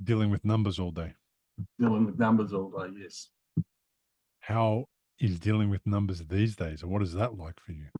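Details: Adult male speaker; normal adult speech.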